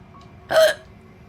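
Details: Female streamer with hiccups: a single short, sharp hiccup over quiet background; an involuntary diaphragm spasm.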